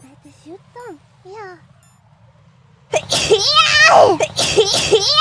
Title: double sneeze of Liberty